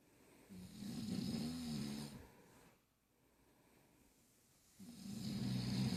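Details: A person snoring during sleep: two loud, rough, rattling snores with a quiet pause between them. Ordinary snoring.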